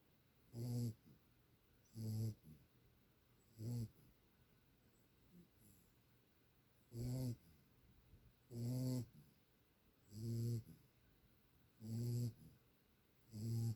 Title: sweet puppy snores